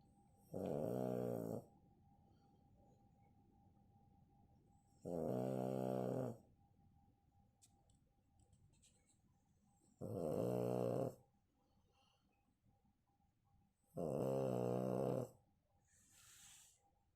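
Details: Snoring from a sleeping pug: four loud, buzzing snores about every four seconds, with quiet pauses between them.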